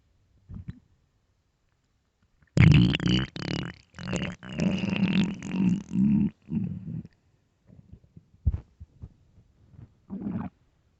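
Loud, low, gurgling rumbles lasting several seconds: stomach growling from hunger, a normal finding.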